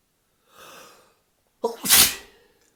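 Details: Adult's paroxysmal sneezing fit after drinking alcohol: a soft drawn-in breath, then one sharp, forceful sneeze within a run of sneezes.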